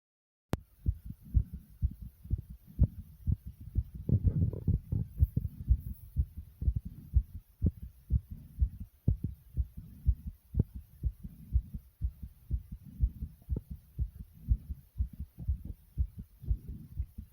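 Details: Adult heartbeat after air boxing exercise: brisk, steady low thumping, a normal quickened rhythm.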